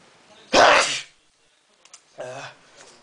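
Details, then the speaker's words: Person in a sneezing fit that started about 20 minutes earlier, four sneezes in under a minute: a loud, explosive sneeze followed by a quieter voiced exhalation; repeated sneezing. "hey YouTube This Is Me sneezing repeatedly and it happened it started about 20 minutes ago"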